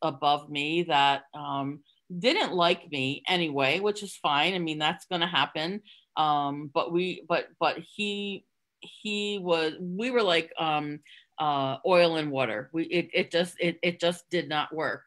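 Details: Stuttering in an adult woman, covert for close to 30 years (hidden using tricks and avoidance) before becoming open; word and part-word repetitions audible.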